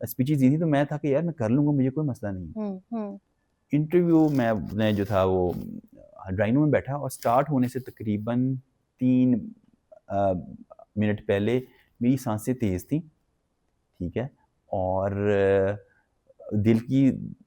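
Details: Adult male who has stammered since childhood; learned in college it was stammering and that speech therapists treat it; stuttering.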